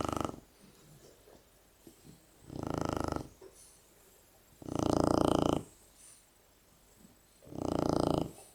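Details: Loud, rough, low snores recurring about every two to three seconds from sleeping, cuddling Shar-Pei dogs over quiet room noise; snoring.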